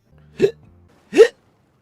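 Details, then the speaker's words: Adult male streamer with recurring hiccup bouts: two abrupt, short voiced hiccups under a second apart, as he complains about having so many hiccups today. "ah please H hiccups you're so bad today what happened what did I do to deserve all these hiccups"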